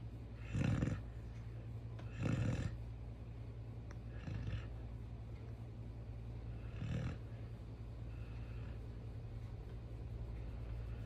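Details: Irregular low rumbling snores from a sleeping Chow Chow dog, four bursts in about eleven seconds over a steady low hum.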